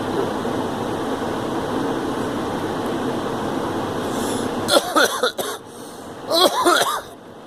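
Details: A girl coughing in a car: two brief bouts of short, partly voiced coughs over steady engine noise, a plain cough.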